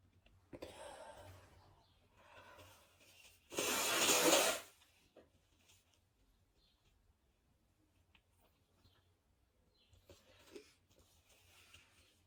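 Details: A single loud, explosive sneeze between quieter breaths and sniffles from a person with a cold who is very sneezy: sneezing.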